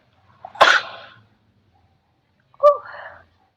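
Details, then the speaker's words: A young woman's single explosive sneeze into her hands while talking, with a sharp burst of air and then a brief voiced sound; an ordinary sneeze. "sorry um I know you're not supposed to sneeze into your hands I know everybody that just saw that excuse me it's just me here"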